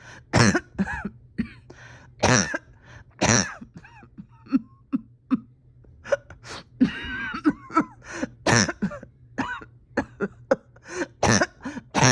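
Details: Repeated harsh coughs and throat clearing with strained, effortful sounds between bursts: a painful cough in a patient with a tight chest whose oxygen levels are holding steady.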